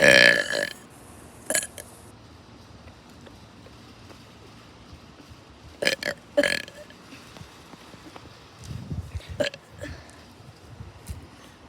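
Several loud burps with quiet gaps between them and some low voice sounds. Repeated burping.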